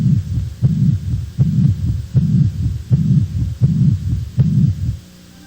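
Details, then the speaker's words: Heart murmur from a heart valve lesion: a regular heartbeat near 79 a minute with a low rumbling whoosh filling each cycle. "Os sopros são vibrações decorrentes de alterações do fluxo sanguíneo, viscosidade e turbilhonamento, que ocorrem principalmente nas lesões valvulares. Vamos ouvir agora os sons correspondentes às principais lesões das válvulas cardíacas."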